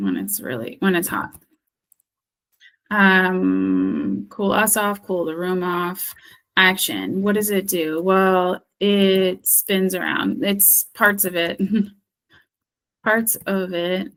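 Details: Acted: a female speech-language therapist role-plays a person with expressive aphasia after stroke, describing an object's features when unable to retrieve its name; anomia with circumlocution (expressive aphasia).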